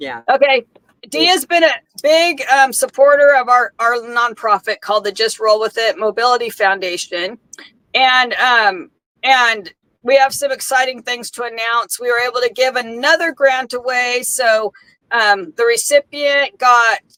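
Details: Adult woman speaking; normal speech.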